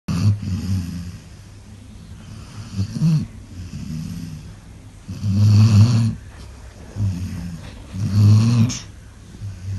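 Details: A sleeping dog snoring like a human, more than ever heard from it before: deep, rattling snores on repeated breaths, about 22 a minute, loud and somewhat irregular.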